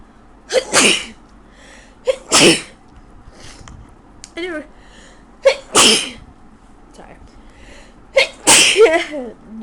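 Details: Person with a very bad cold, sick, at 3 a.m.: four forceful sneezes, each preceded by a short inward gasp, in rapid succession; a bout of repeated sneezing.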